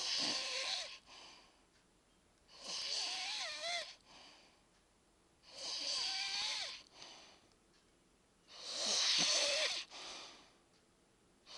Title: Snoring